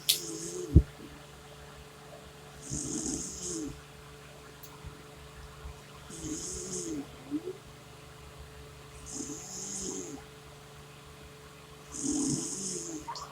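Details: Mother snoring softly and regularly, about every three seconds, over a low room hum, irritating her 4-day-old baby; snoring.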